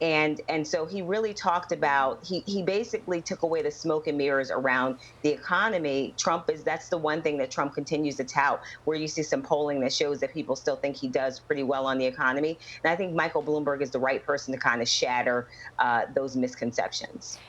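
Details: Adult woman speaking; Ordinary speech.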